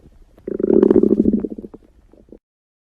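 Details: A loud gurgling rumble that swells and fades over about two seconds, recorded at the beach; ordinary stomach growling (borborygmi).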